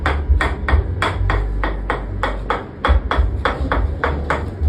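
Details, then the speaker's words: Steady, fast, thudding percussive taps, about 170 a minute, on the back muscles rather than the bones, producing vibration and sound waves to relieve soft-tissue pressure; chiropractic tapping treatment for back pain. "So this is actually எட்ஷனல் treatment called toxin treatment this vibration and sound removes the pressure in your soft disuse which is very very hard"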